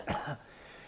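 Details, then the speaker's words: A deliberately demonstrated single brief, harsh throat clear or small cough, followed by quiet room noise; the sound comes from the vocal cords coming together. "When we have a cough or a throat clear, the noise that you hear is the vocal cords coming together."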